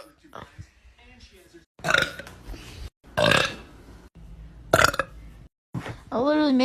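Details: Girl burping: four loud, throaty, drawn-out belches separated by short pauses, with some faint voices in between; repeated burping.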